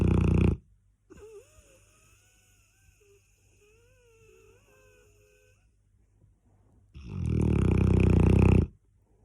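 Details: Cane Corso dog asleep, snoring loudly: low rattling snores on breathing in, separated by quiet pauses with faint whistling.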